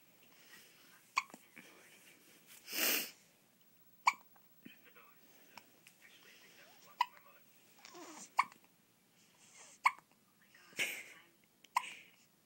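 Quiet room with repeated sharp, brief gulping catches about every one to three seconds, with soft voice sounds between: hiccups.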